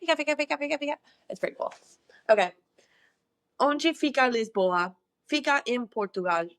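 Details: Woman who says she experiences echolalia, often repeating words from other languages over and over; echolalia.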